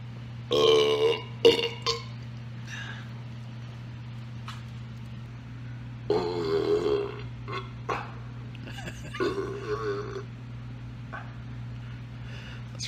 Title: Life is but a Burp (Belch Montage 7.1)